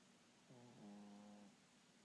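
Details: Sleeping pet Luna: one soft, droning, buzzy snore lasting about a second in a quiet room; snoring.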